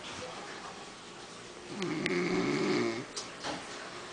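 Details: Adult man snoring after margaritas, sleeping deeply: a low, buzzing snore on one breath over steady room noise.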